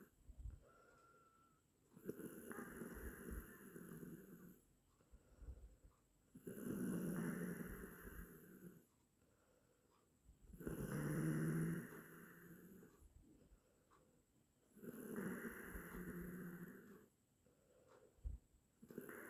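Four rough, rumbling snores about 14 breaths a minute, each with a hissing out-breath and quiet gaps between. Ordinary snoring in sleep.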